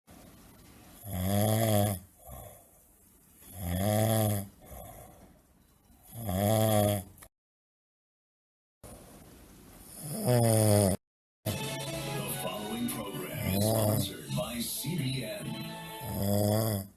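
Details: Loud, rough, voiced snores on each breath in, about four heard, with quieter breathing between; ordinary snoring.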